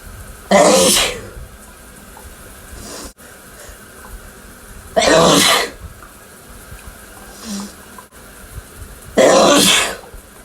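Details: Adult male sneezing in the shower, sneezes attributed to his cats: three forceful, explosive sneezes a few seconds apart over steady running-water noise; repeated sneezing.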